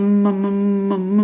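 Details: Acted: teacher imitating a child who stutters and cannot get words out: stuttering (sound prolongation).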